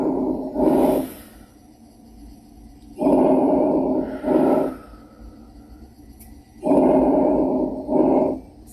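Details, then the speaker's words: Three deep breaths through a stethoscope on an adult's chest, each a soft whooshing in-breath and out-breath; healthy normal breath sounds, demonstrated for young children. "i have some lung sounds for you so i'm going to play these sounds and this is what i'm hearing when i listen to miss kendra's lungs as she's breathing"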